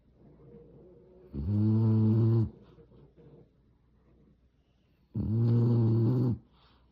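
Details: Sleeping, dreaming French Bulldog giving two loud, low, buzzing snores about four seconds apart, each roughly a second long, with quiet breathing between; snoring.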